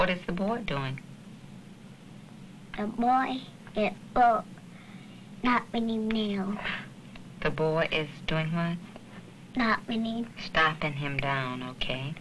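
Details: Speech of a girl attending a summer speech clinic because of hearing loss, learning lip reading and working on final sounds and D and G sounds; speech of a child with hearing loss.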